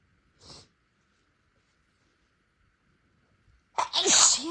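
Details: A short sharp sniff, a pause, then one big explosive sneeze, deliberately induced by someone without allergies whose nose seemed sensitive after spicy food; a triggered sneeze.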